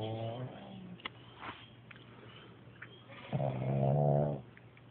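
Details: Animal snoring in its sleep: low, throaty, rumbling breaths with a soft snuffle between them.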